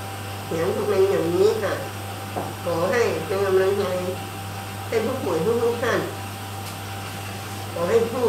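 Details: Patient speaking without the palatal (velopharyngeal) obturator in place; speech is stated to become normal with it fitted; hypernasal speech (velopharyngeal insufficiency).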